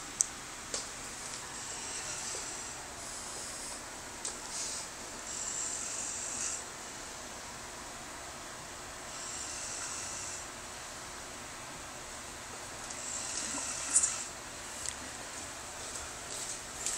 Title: Typical Boss. Snoring in office.